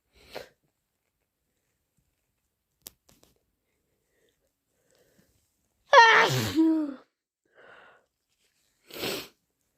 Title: Inducing with chhinkni and a cold! - Wet, strong sneezes and blows